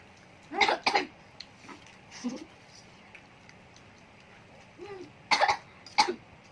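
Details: Several short, sharp coughs in pairs with throat clearing between them, in a quiet room, triggered while eating spicy Samyang noodles in a no-drinking challenge.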